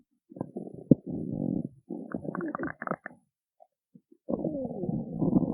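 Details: Woman who skipped breakfast: loud, drawn-out gurgling and creaking growls with short pauses; stomach growling after a missed meal, a normal bowel sound.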